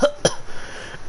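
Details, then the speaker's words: Adult suffering with a cold, coughing in the background while commentating a video game; two quick, short, dry coughs, then faint room noise; cough. "can hear me coughing there in the background. Sorry about that."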